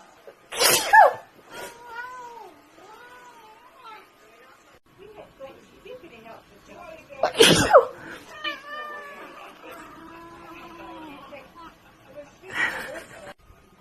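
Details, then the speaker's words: Person sneezing: two loud, explosive sneezes, with a pet cat meowing after each one; ordinary sneezing described as a really big sneeze. "Wow, that was a really big sneeze."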